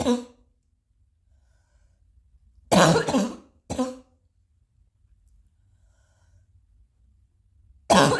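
An adult gives a few short, isolated coughs separated by quiet pauses, a mild lingering cough.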